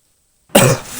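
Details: During gaming commentary by someone who says he is sick: silence, then one loud, harsh cough burst that trails off; a single cough.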